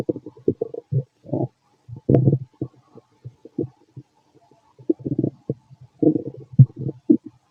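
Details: Fit adult male's abdomen, recorded with a stethoscope after lunch and a carton of milk: irregular low gurgles and rumbling bursts, ordinary bowel sounds (borborygmi).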